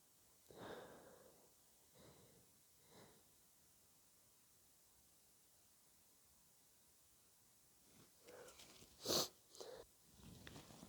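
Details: Person with a cold: soft wet sniffles, then a messy wet sneeze and a forceful snotty nose-blow near the end, in a quiet room.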